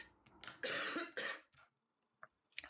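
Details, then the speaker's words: Occasional coughs from an adult woman while colouring, lingering from an illness that is not completely gone. "occasionally I still get the um the coughs because it's not completely gone as you can hear"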